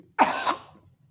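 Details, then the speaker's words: Adult doctor imitating a rattling, phlegmy chest cough, said to be common in children and the elderly, with a rattle from the chest before coughing: a single rough, wet-sounding cough. Simulated, not a real patient. "इसमें क्या होता है, इस तरह की खांसी में क्या होता है कि छाती से एक रैटलिंग साउंड आती है, यानी कि घड़घड़ाने की आवाज़ आती है खांसने से पहले।"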